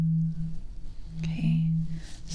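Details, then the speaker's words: Simulated ASMR medical exam roleplay: a struck A2 tuning fork rings a steady low pure tone that fades slightly, with soft rustles, for a bedside hearing check. "Okay, one more with hearing. I have an A2 fork. Again, if you don't know what that is, it sounds like this."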